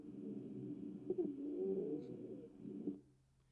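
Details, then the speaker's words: Expiratory wheeze: low-pitched musical whistling through the chest for about three seconds, air forced through narrowed, inflamed, irritated airways. "we typically hear this during expiration Linnea the air with that air is really being forced through those inflamed irritated Airways"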